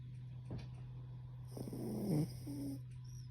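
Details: Pomeranian rescue dog, exhausted after a walk and a bath, asleep with chin resting on owner's foot: soft snuffly snore with a brief whistling note over a steady low room hum; snoring.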